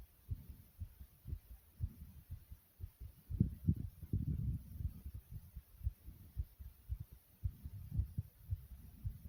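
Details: Short recording of own heartbeat described as fast yet soft: soft, regular low thumps at roughly 110 a minute, with brief rumbling midway; normal heartbeat.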